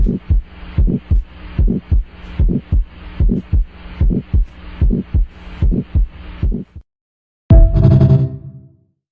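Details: Heart sounds on stethoscope auscultation: regular paired lub-dub about 75 beats a minute over a steady hum.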